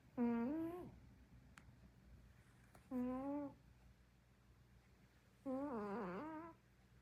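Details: Sleeping dog snoring (owner jokes she may be farting): three long, tonal, whistling breath sounds several seconds apart in a quiet room.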